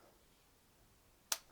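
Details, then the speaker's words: Spring-loaded lancet cocked and fired to prick a finger for a blood sugar test: quiet room, then a single sharp snap. "А щоб зарядити ланцет отут тягнемо і потім і воно колить повинно колоти зараз ми подивимося"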